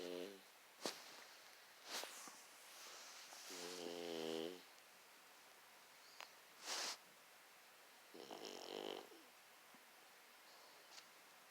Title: Snoring pug